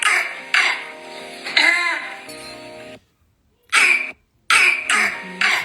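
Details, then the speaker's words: Child's harsh barking cough in short bursts over music, from laryngitis (croup), often caused by parainfluenza viruses with vocal cord swelling and usually a hoarse voice. "вернемся смотрите лающий кашель это у нас ларингит часто это вирусы парагриппа до повреждающие приводящий к тёлку голосовых связок"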